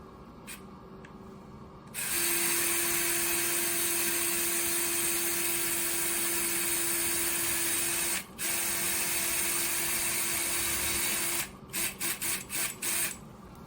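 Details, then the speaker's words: Powered surgical drill whining steadily about nine seconds, then short bursts, boring a tunnel from anterolateral fibular head at the LCL insertion posteromedially for an LCL button during acute LCL avulsion repair (simulated injury), lateral knee approach; surgical bone drill. "So the the next step in the repair is to drill our tunnel for LCL button. So we're starting antaterally at the head of the fibula right at the insertion of the LCL and drilling uh postermed medially."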